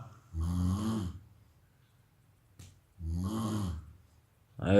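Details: Heavy snoring: loud, harsh snores on each breath in, about one every three seconds, with quiet breaths out between.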